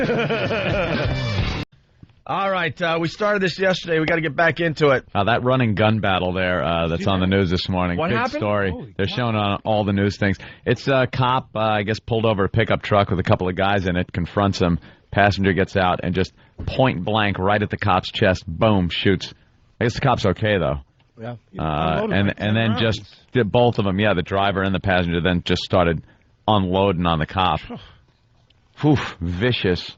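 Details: Adult male radio host; typical speech.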